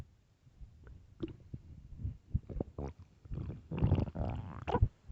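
Loud, low gurgling and rumbling stomach growls in irregular bursts, ordinary hunger noises from the gut.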